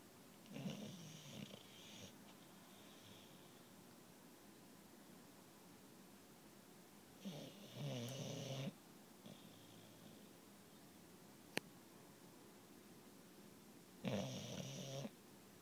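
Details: Sleeping pet snoring gently: three soft, rasping snores about 6–7 seconds apart in a quiet room.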